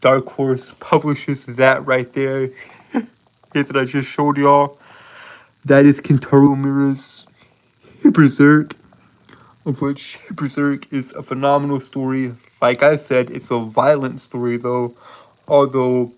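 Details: Lifelong stuttering present since birth in an adult male, self-described as holding syllables rather than repeating sounds; real, not acted; stuttering with prolongations and blocks.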